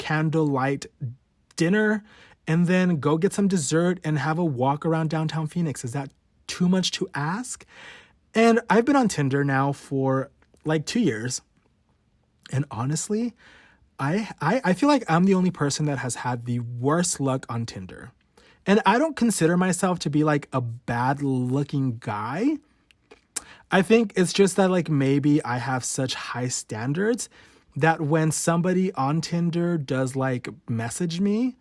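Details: Adult male podcast host who has stuttered since about age 5 or 6, worse since his teens, showing his real, unedited stutter: stuttering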